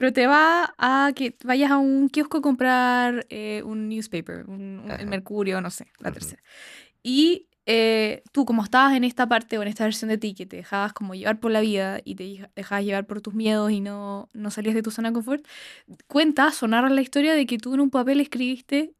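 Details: Adult woman speaking Spanish; typical speech.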